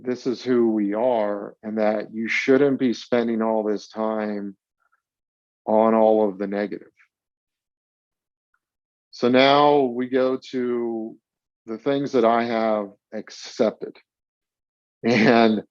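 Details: Stuttering in a 42-year-old man, with onset around age eight and several years of speech therapy during school.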